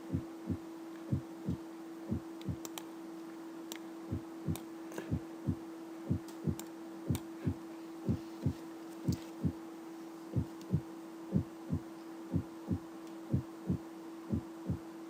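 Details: The first heart sound (S1), played as an example in a cardiovascular auscultation lecture.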